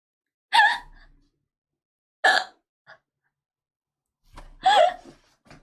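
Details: Three sharp, voiced hiccups a couple of seconds apart from a streamer during a live stream, each a sudden catch of breath with a short squeak; ordinary hiccups.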